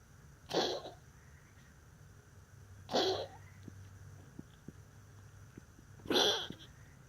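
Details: Pet named as coughing: three short, harsh, separate coughs spaced about three seconds apart.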